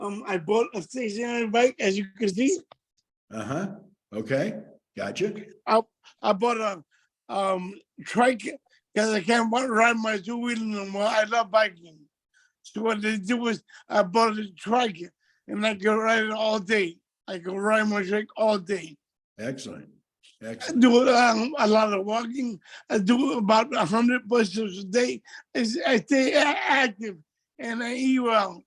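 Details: Adult man with multiple system atrophy that has affected his speech and gait; dysarthria.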